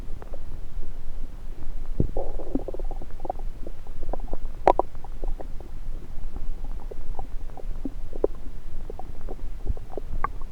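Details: Own abdomen recorded with a stethoscope placed on multiple parts of the belly: gurgles, squeaks and rumbling bubbling over a low background hiss. Ordinary bowel sounds (borborygmi).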